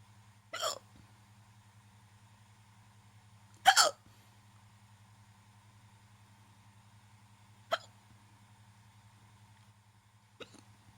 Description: I ate and got hiccups afterwards